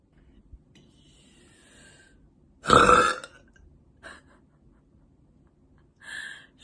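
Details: A girl burping: one long, loud voiced belch, then smaller sounds and a short vocal sound in a quiet room.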